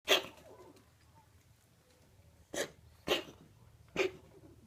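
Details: Four short harsh explosive coughs in a quiet room from a cat with chronic bronchitis, coughing recurring every spring for many years, which vets attribute to allergy.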